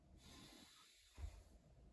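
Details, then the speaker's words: Simulated physical-assessment exam: stethoscope on the posterior thorax during a deep breath, with soft, muffled air sounds and a brief thump of contact noise: normal breath sounds. "I move down I'm going to be listening for anything that sounds have normal um it should just be an even error exchange no crackles or we should be noted"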